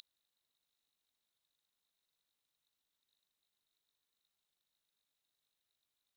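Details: Simulated tinnitus sound effect: a steady, high-pitched pure tone that runs unbroken throughout, imitating ringing in the ears.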